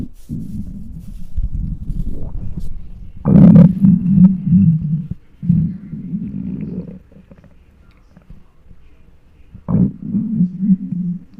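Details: Loud low gurgling and rumbling in long rolling bursts with short pauses, recorded with a microphone on a very hungry adult's belly: borborygmi, normal hunger bowel sounds.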